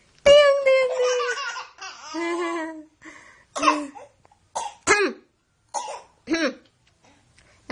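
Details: Baby laughing heartily at his older brother playing with a balloon, breaking into a few short coughs, then more laughing; harmless cough from laughing hard.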